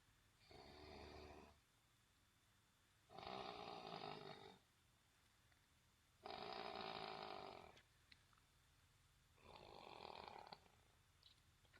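Four loud, rough snores at a slow, even pace, about one every three seconds; ordinary heavy snoring.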